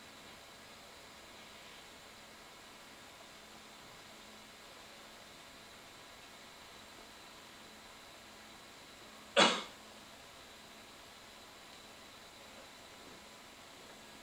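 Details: A single short, sharp cough by a person in an otherwise quiet room.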